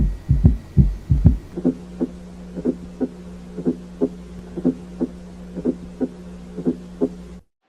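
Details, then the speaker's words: Quadruple gallop rhythm: regular, soft, low thuds grouped in fours, with an S4 before S1 and an S3 after S2, heard in sequence as S4, S1, S2, S3. "Okay I hope आपने ये audio clip सुना and आपको clear हो गया होगा कि s4 का sound कब आता है कैसा आता है s1 s2 and similarly s3 का भी ठीक है"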